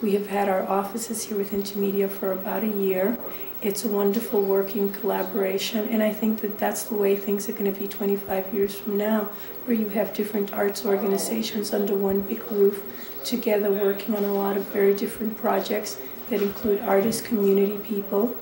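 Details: Adult woman speaking; typical speech.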